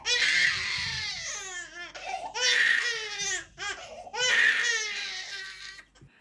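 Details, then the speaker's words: Baby with a sustained, distressed cry: loud, high-pitched, unbroken wails with gurgly catches, at full-on fever pitch and not decreasing in intensity; unlikely to wind down, so the baby needs soothing. "a cry like this where there is no let up at all for a sustained period is unlikely to wind down and your baby needs your support to help bring them back down to a calmer level"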